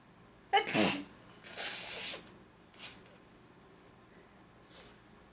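A sharp sneeze followed by a second softer sneeze and brief snuffles; ordinary sneezing.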